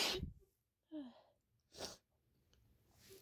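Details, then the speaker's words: A person who is sick, with a suspected cold or allergies and sneezing all day, deliberately induces sneezes near 5 a.m.: two forceful sneezes with a short breath between, in a quiet room. Described as unusually intense for them. "oh my okay well I think I'm done for that was the intense sneezes I don't usually sneeze this intense I usually have a lot more softer sneezes so yes you guys we're um a bit lucky that I'm sick"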